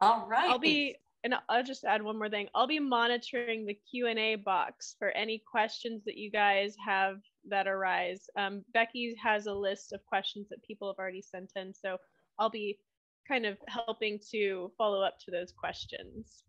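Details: Adult woman speaking; normal speech.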